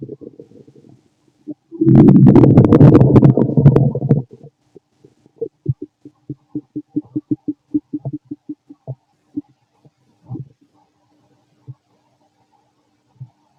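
A loud prolonged rumbling gurgle, then a run of quick squeaky pops and bubbles fading out; normal digestive stomach growling.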